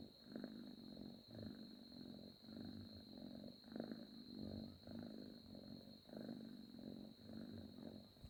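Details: Cat snoring while asleep on a person's arm: soft, rhythmic, low purr-like rumbling with each breath over a faint steady high-pitched background whine.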